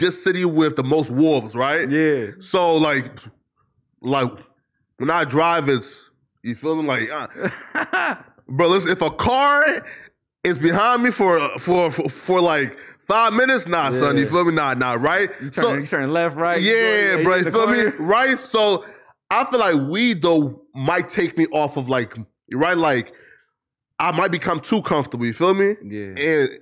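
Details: Adult man with a stutter, worse in long conversation and when nervous, with sound and word repetitions; stuttering.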